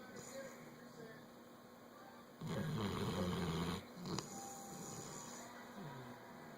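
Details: One low, rough snore during sleep over steady room noise, then quiet breathing; snoring.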